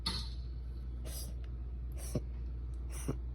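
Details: Cat gives four brief, sharp, breathy bursts about once a second; the owner calls them hiccups, though an asthma attack is also raised as a possibility: hiccups.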